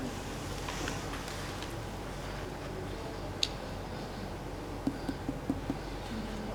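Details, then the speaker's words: Finger percussion of the abdomen, starting at the right upper quadrant as the first of 13 points, during an abdominal examination of an adult man: a tympanic percussion note. "Perkusi di ke-13 titik dulu, mulai dari kuadran kanan atas ya. Ini adalah suara timpani."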